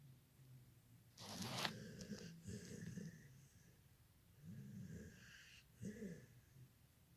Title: my prince ....snoring